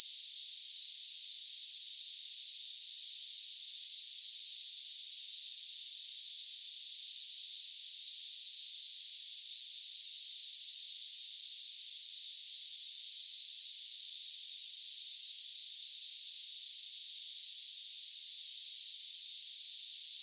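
Steady, unbroken high-pitched hiss like cicadas, a simulation of hissing tinnitus.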